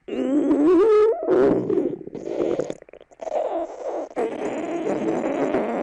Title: Huh? A scary monster? Or maybe a stomach growling? (a gift for @fabianaatencio6621)